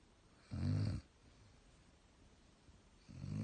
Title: snoring german